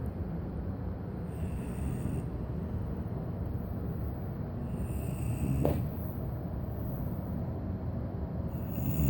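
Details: Cane corso puppy sleeping, low steady rumbling snore with soft breath cycles every three to four seconds; ordinary snoring.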